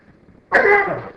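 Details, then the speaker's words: A lecturer gives a single loud, harsh cough with a honking, tonal quality, after a quiet moment in a room. The cough has recently changed and the lecturer says it sounds like a wounded goose. "sorry my cough really changed to it's I sound like a wounded Goose or something when it rips out"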